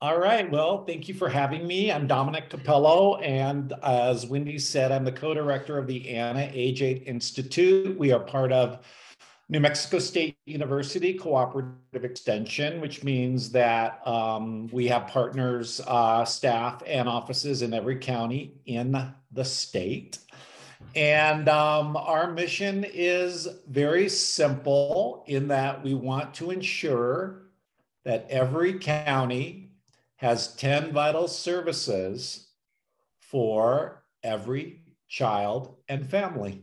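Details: Adult male speaker; normal speech.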